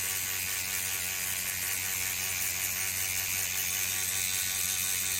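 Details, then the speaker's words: Professional microneedling over a cheek area with no underlying bone, done slower with more of a stamping motion. Steady high buzzing whir with a rapid fine rattle from the microneedling pen treating skin. "So I'm having to go slower. See how it's a little bit more of a stamping? That's okay."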